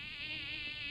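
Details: Simulated tinnitus sound, mosquito type, one of several tinnitus sound examples: a steady high-pitched buzzing whine like a mosquito.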